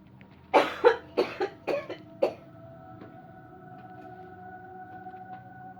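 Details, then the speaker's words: Cough during a no-touch coughing technique demo: six short, sharp coughs in quick succession, then quiet room noise with a faint steady hum; the person feels more coughs coming. "I feel another cough coming. I can feel it."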